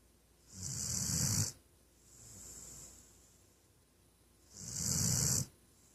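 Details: Female Weimaraner dog snoring loudly during a nap: soft, rhythmic, raspy, low inhaled snores with faint breathy sounds between them, in a quiet room.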